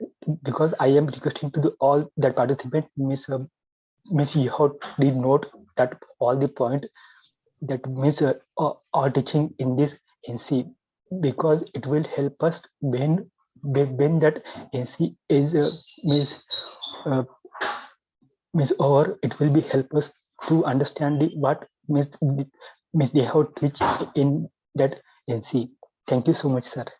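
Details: Adult male with stuttering since childhood, had therapy in 2010, still working to overcome his stammering; stuttering.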